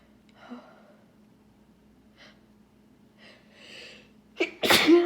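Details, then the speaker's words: Woman with pollen allergy (hay fever) during an allergy attack: a few soft sniffs and breaths, then one sharp forceful sneeze; allergic sneezing. "oh my gosh my nose is so pink I probably look like I've been crying or something nope just sneezing all over the place"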